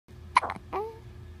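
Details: Girl with hiccups: a single abrupt hiccup followed by a brief voiced squeak.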